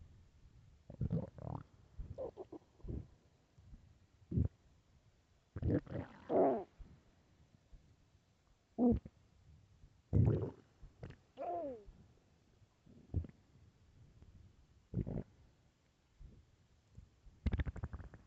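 Intermittent low gurgles and rumbling squeaks of a growling empty stomach; ordinary hunger bowel sounds.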